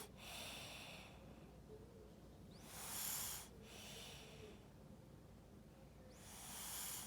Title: snoring